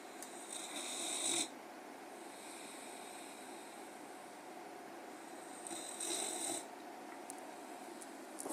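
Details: Young dog (puppy) asleep, snoring: two loud, rough snores with a hissing edge, separated by quieter steady breathing.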